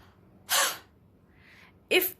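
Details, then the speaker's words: A seated exercise for COVID-19 or COPD mucus clearance gives two forceful, breathy "ha" exhalations with a quiet breath in between, contracting the abdomen. This demonstrates the huff cough (forced expiration technique). "What you need to do, you need to inhale, exhale with the sound of ha. Inhale, inhale, exhale with sound of ha."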